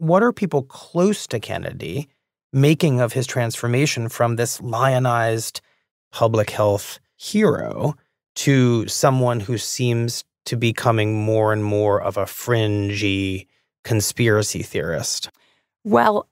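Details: Adult male speaker; normal speech.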